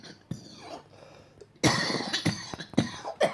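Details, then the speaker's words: Run of harsh, forceful coughs, about four bursts after a quieter start, in a wheelchair user struggling to breathe after inhaling leaf debris, dust and petrol fumes from a leaf blower; coughing since; irritant cough. "like can still smell and taste the petrol fumes from the leaf blower but just all the Dey I swallowed it got in like I've been coughing up since and it's just it's just bed just bed"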